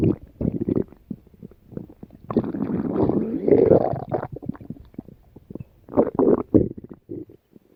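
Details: Stomach growling (borborygmi): irregular gurgling, rumbling bursts with bubbling runs.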